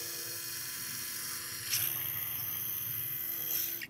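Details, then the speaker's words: Steady high-pitched whine of a surgical drill at full speed, drilling on the planned trajectory for a robotic-assisted upper thoracic pedicle screw; small screws, so no tapping needed. "and I'm going to take my drill and I'm just going to make sure that I'm in line that I'm getting my proper trajectory there"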